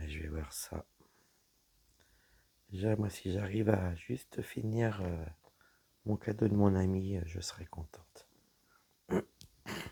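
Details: Woman whose vocal cords were damaged by a serious health problem; voice deeper than before, at times little voice, unable to speak loudly; dysphonia from vocal fold damage.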